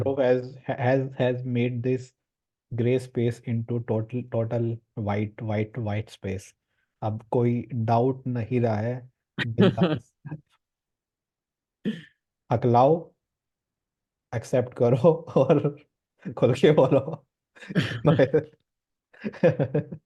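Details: Male participant in a stammering support group course; his speech shows word and syllable repetitions. Finding: stuttering.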